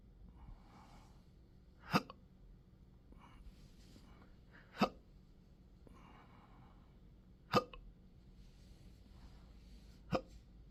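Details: Person with intractable hiccups since December 2015, with choking spasms, belching and developing achalasia III, in 12-hour daily episodes. Four sharp, abrupt hiccups 2.5–3 seconds apart with quiet breathing between. Persistent hiccups.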